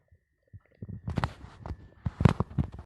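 Low gurgling and bubbling stomach growls in irregular bursts, ordinary hunger rumbling of the gut.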